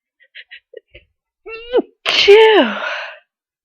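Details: Adult sneezing near the end of a cold, with long difficult buildup: several catching inward breaths, then one loud explosive sneeze trailing into a voiced groan.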